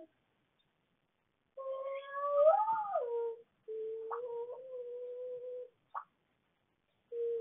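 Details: Two-year-old girl, a twin, asleep at 2:52 AM: long, tonal, rising and falling coyote-like howls in a quiet room, sleep vocalization.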